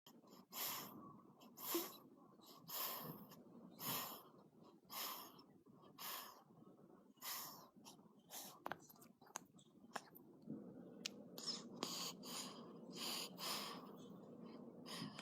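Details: Steady cycles of breathy, rasping noise while asleep during the first few days of life, roughly one every two seconds, with light room noise: snoring.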